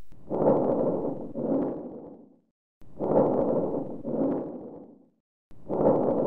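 Loud, rough breath sounds at about 22 breaths a minute, with prominent, prolonged expiration: harsh vesicular breathing.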